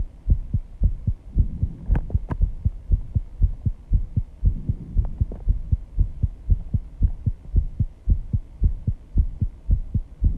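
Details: Own heartbeat after intense exercise, measured at 134 bpm and loud enough to hear without a microphone at first: fast, strong, regular beats with faint breathing noise; rapid heartbeat after exercise.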